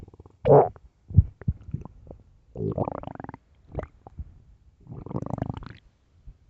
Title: late night stomach growls part 2